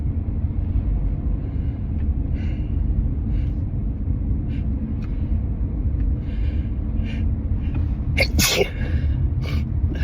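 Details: Allergic sneezing in a car, set off by a strongly scented synthetic air freshener after high pollen and wedding flowers: smaller stifled sounds, then a forceful, partly muffled sneeze over steady engine rumble.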